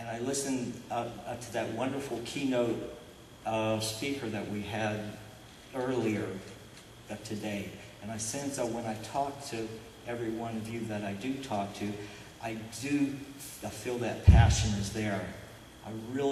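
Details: Adult man who stutters, describing himself as stuttering openly rather than covertly; stuttering.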